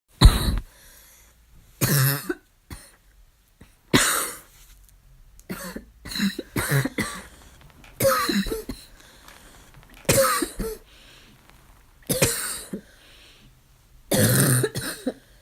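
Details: Child's coughing fit of about a dozen harsh barking coughs in short bursts with pauses, still barking.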